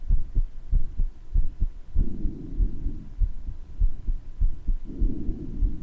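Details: Self-recorded heart sounds with breath noise: low, regular beats near 97 a minute with a soft whooshing between beats, heard better in some parts of the recording than others: a heart murmur.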